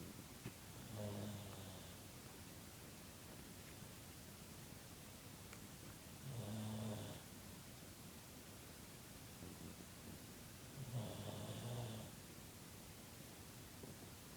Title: Pug snoring so loudly